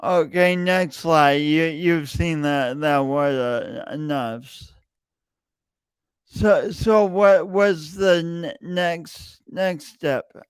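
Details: Stuttering-like disfluency with word repetitions in a man with a long-standing speech impediment that he denied for years; his own speech.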